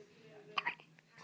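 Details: Two soft, brief catching sounds in quick succession over a faint hum; hiccups in a newborn baby girl one day after birth.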